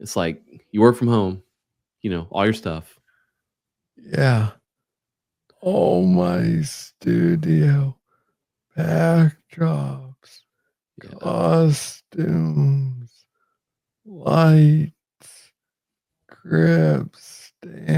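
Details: Adult man with Parkinson's disease diagnosed in 2014 at about age 35, first misread as tennis elbow; slow speech from hypokinetic dysarthria.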